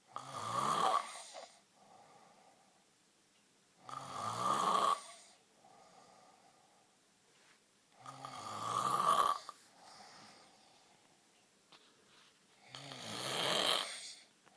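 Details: Boyfriend asleep: loud rattling snores on each in-breath, four in about fifteen seconds (roughly 16 breaths a minute), quiet out-breaths between; snoring.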